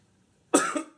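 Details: Man coughing while smoking a cigar: a single sudden cough burst with a rough, throaty tail.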